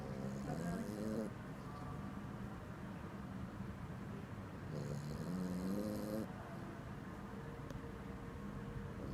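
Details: Dog snoring during sleep; two rhythmic, rattling snore sounds over steady background noise.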